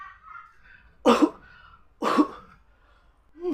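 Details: Acted cough in a comedy skit: two loud, harsh cough bursts about a second apart.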